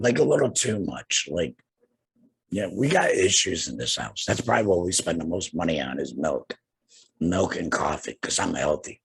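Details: Adult man, two years after total laryngectomy for cancer treated with radiation and chemotherapy, with no larynx and breathing through a neck stoma, speaking with a tracheoesophageal puncture (TEP) voice prosthesis and using an HME: tracheoesophageal speech after total laryngectomy.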